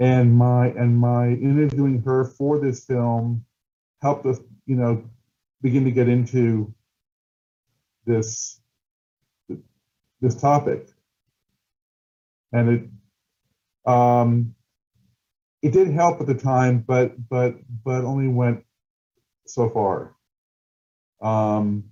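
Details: Stuttering in an adult male documentary filmmaker who stutters, with word repetitions.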